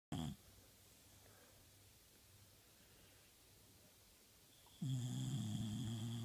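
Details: A sleeping Australian Bulldog snores loudly, with low rattling snorts and quiet breathing between the louder snorts.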